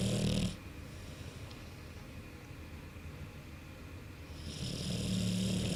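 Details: Low, rumbling snoring breaths at the start and end with a quiet pause between, from Cash, an American Bulldog; snoring.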